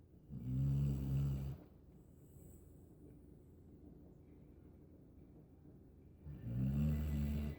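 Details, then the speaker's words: Snoring while asleep in someone's lap: two low, rattling snores about five seconds apart, with quiet breathing between them. "You do realize you're snoring. Hmm? You do realize you're snoring."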